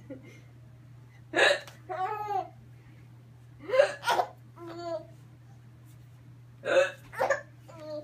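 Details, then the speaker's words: Baby having hiccups: repeated sharp hiccups, each followed by short voiced baby sounds, over a steady low hum. "Is the baby having a hiccup?"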